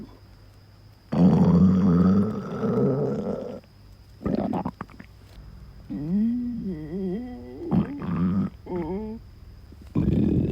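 Loud, long stomach growls with low rumbling and squeaky, wavering gurgles, several bursts; ordinary hunger-type bowel sounds.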